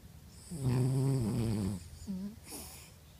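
One long, loud rumbling snore on the in-breath, then a shorter softer snort and a faint noisy breath.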